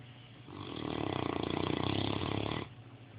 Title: Snoring away !